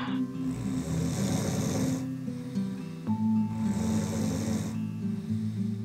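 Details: Two loud, rough, rattling snores about three seconds apart, each on an in-breath, over background music, from an adult man whose wife finds his snoring increasingly hard to bear; he denies snoring.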